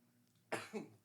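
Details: Cough during a live podcast conversation; afterward the speaker says he is wheezing while breathing.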